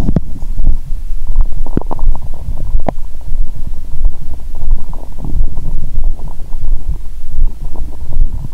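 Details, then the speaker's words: Adult woman's abdomen heard through a stethoscope after breaking a 22-hour fast with a meal and wine: noisy, active bowel sounds (borborygmi). "When I listened to the sound of my stomach with a stethoscope, I knew that my stomach was so noisy."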